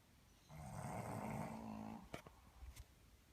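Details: Boston terrier and a human snoring heavily in a snore-off; one long, rattling, low snore with a buzzing vibration, followed by a couple of quiet clicks.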